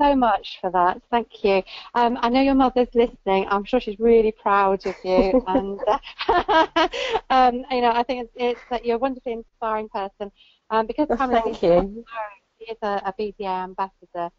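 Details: Adult woman speaking; typical speech.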